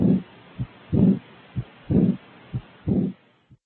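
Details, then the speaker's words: Aortic regurgitation heard with the stethoscope diaphragm at the left 3rd–4th intercostal space, patient sitting up, leaning forward, breath held after exhaling: regular beat near 60/min, each followed by a soft blowing diastolic murmur. "listen to the third and fourth left intercostal space with the diaphragm if present aortic insufficiency may sound like"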